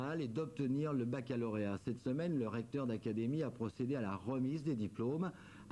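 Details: Adult male narrator; normal speech.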